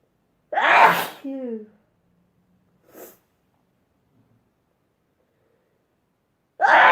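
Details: Two loud explosive sneezes separated by quiet, the first with a voiced trailing sound, from a sneezing compilation; ordinary sneezing.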